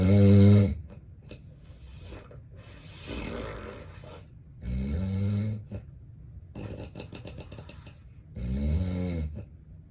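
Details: Real, unplanned daytime nap recorded in bed by the sleeper, who has sleep apnea: loud, deep snores with rough, noisy breathing between them; snoring in obstructive sleep apnea.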